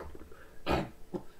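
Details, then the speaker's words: A person with Tourette syndrome makes a single abrupt throat-clearing, cough-like noise followed by a small grunt, a simple vocal tic. "And there's also people complaining that, oh my god, what's that noises from? Why are you making noises like that? Ew, don't go hurt yourself. Tourette syndrome, man."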